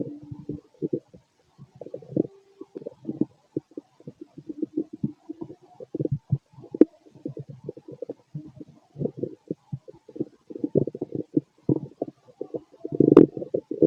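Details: Stomach growling (borborygmi) in an adult male late at night after eating a lot, feeling gassy and bubbly: irregular low gurgling and bubbling rumbles in a quiet room.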